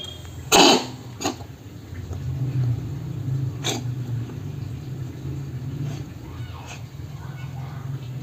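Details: Cat gives one sharp cough then two softer hacks over a low room hum; cough.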